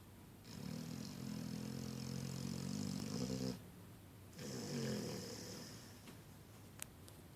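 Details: Sleeping puppy snoring during a nap: long, loud, rattling snores with a buzzing, vibrating tone, two drawn-out breaths then quieter breathing.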